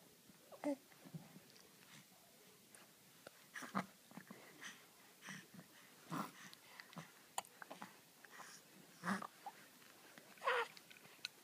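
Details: Brief abrupt catch-like bursts recurring irregularly, about six in eleven seconds, over quiet room noise; hiccups.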